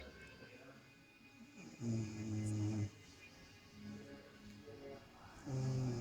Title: Snoring mother :)